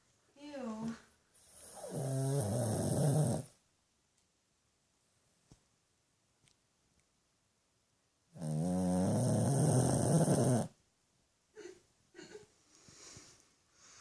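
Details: 13-year-old rescued Shih Tzu/Pug mix dog asleep, reportedly with eyes open, snoring as loud as most humans: long, loud, rough snoring breaths separated by quiet pauses, with faint snuffles after.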